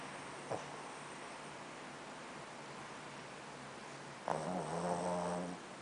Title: my dog snoring